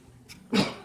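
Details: Prank sneezing on a sister: a brief soft intake, then one sharp explosive burst of air; a single sneeze.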